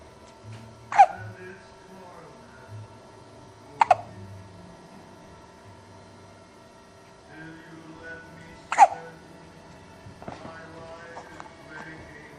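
Three abrupt, sharp hiccup sounds about every four seconds over quiet background music.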